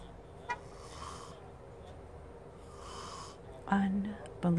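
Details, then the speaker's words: Man asleep in a parked car, snoring loudly enough to wake his wife, likened to Darth Vader: faint breathy snores in a quiet space, then a louder rough snore near the end. "I wanted to take a nap too. But his snoring woke me up. He sounds like Darth Vader."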